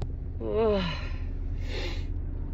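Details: Woman sitting in her car with allergies, runny nose and watering eyes, sneezing on and off all day: a rising, voiced in-breath gasp, then a breathy burst like the lead-up to a sneeze, over room hum; gasping.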